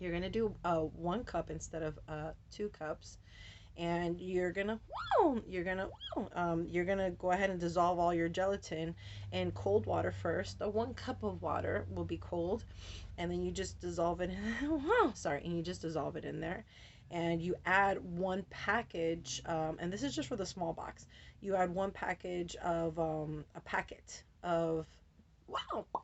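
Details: Adult woman with Tourette syndrome; vocal tics ('wow', 'whoa') and repeated words interrupt her speech, with tics very active since a medication change and also triggered by light. Finding: vocal tics (Tourette syndrome).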